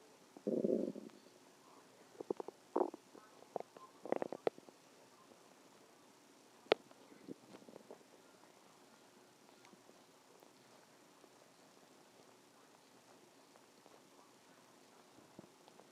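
Gurgling, bubbling rumbles in short bursts that fade to quiet; ordinary stomach growling from gas and fluid moving through the gut.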